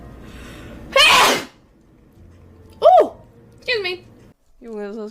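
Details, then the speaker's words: Woman livestreaming announces she has to sneeze, then a single loud sneeze over quiet room noise with short exclamations; normal sneeze. "das ist kompliziert, Alter. Jetzt muss ich niesen. Okay, perfekt."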